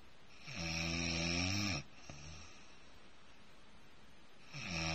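Loud rattling snores on breathing in, with quiet pauses between, in a quiet room; ordinary snoring.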